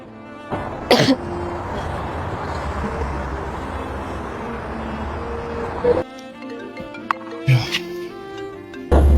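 Three harsh, isolated acted coughs over background music, imitating coughing during an asthma attack.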